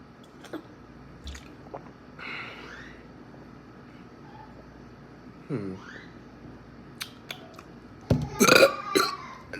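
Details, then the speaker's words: Several deliberate burps after drinking fizzy Sunkist soda in a burping challenge, some long and rumbling, ending in a loud drawn-out belch in a quiet room: burping. "was number 10 that was sucky but um y'all rate the burps through 1 through 10"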